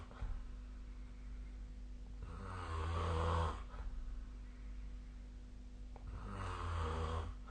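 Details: Sleep snoring recorded with the SnoreLab snoring app on 2025/01/23: two deep, rattling inward snores about four seconds apart over a steady low hum.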